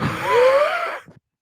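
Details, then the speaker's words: One forced breath from an adult without their inhaler (puffer) at hand, carrying a thin musical whistle that rises slightly in pitch: a wheeze from narrowed airways. "I'm not dying. I'm fine. If you guys don't mind a little wheezing, here, let me see if I can do this."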